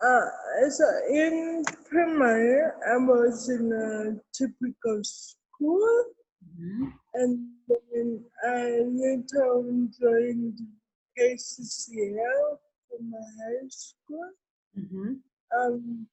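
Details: Adult woman with cerebral palsy present since birth, given extra time in an interview so she can be heard clearly; dysarthria in cerebral palsy.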